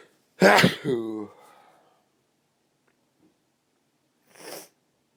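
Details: Sneeze after several stubborn false starts: one sharp, explosive sneeze with a voiced tail, then quiet and a brief sniff, followed by an exclamation.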